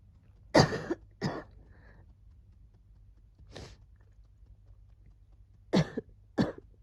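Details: During a cold, as the wheezing was settling down: about five short, harsh cough bursts in pairs with quiet pauses between, and no clear wheeze.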